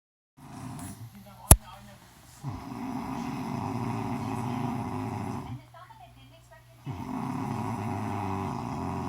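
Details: Woman snoring heavily: loud, rough, rattling snores on long in-breaths, two full snores with a quiet pause between, plus a softer start and a brief click.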